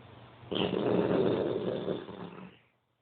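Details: Etta, a notoriously loud snorer: a single long, rough, rattling breath sound lasting about two seconds, then fading. Snoring, likely from a sleeping dog.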